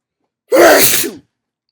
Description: Got a request to talk all the way up until I sneeze, so I decided to read a few sneezing-related poems for you guys while I have a big chhinkni-induced fit.